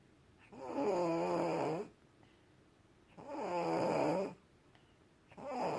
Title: pre-surgery snoring 6.2.17